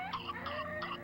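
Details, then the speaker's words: High-pitched, crowing, gliding breath sounds of the whoop of pertussis, whooping cough. "soy jennifer lópez y este es un sonido que ninguna madre quisiera escuchar es la pertussis tos ferina y si es penoso escucharlo por 60 segundos imagínese por una hora o dos"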